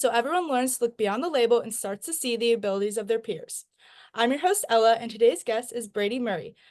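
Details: Adult woman speaking; normal voice.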